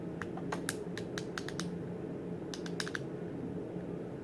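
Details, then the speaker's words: Gonal-F injection pen during IVF stimulation, day one of shots: series of small sharp clicks in two quick runs as the pen is clicked before removing the needle. "I'm supposed to click it to the clicks"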